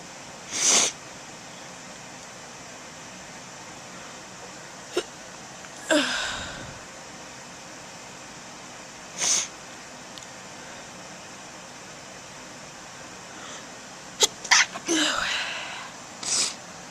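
Several short, sharp sneezes spaced through quiet room noise, with a brief aborted sneeze near the end.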